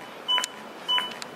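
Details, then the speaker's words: AED Plus metronome beeps pacing chest compressions at 100–120 per minute, 5–6 cm deep, on a simulated adult victim after a shock; two evenly spaced electronic beeps. "Khi chúng ta nghe tiếng beep, tức là tần số ép để đảm bảo 100 đến 120 nhịp một phút."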